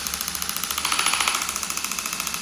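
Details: Radial shockwave (EPAT) device, with a larger spine-actor applicator worked either side of the thoracic spine at a 45-degree angle for fascia release. Rapid, steady mechanical tapping pulses, about 12–14 per second.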